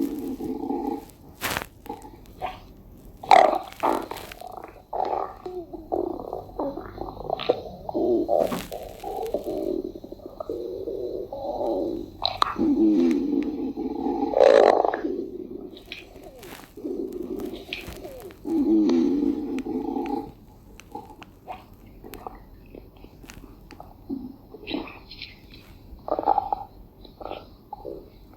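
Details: Irregular low gurgling and rumbling from a deer's belly: ordinary stomach growling (bowel sounds) from gas and fluid moving.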